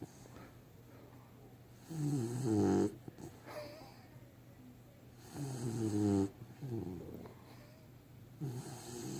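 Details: Sleeping puppy with regular buzzy, fluttering snores, about 18 breaths a minute, quiet pauses between; snoring.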